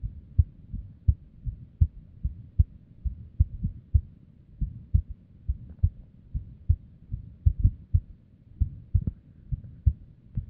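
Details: Female's unstable resting heartbeat, abnormal heart audio: low thudding beats with uneven gaps and some early extra beats; irregular heartbeat.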